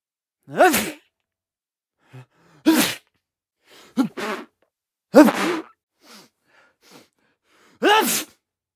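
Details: Four loud, abrupt adult male sneezes, each preceded by a short quiet catch of breath, evenly spaced in a quiet room; sound-effect recording.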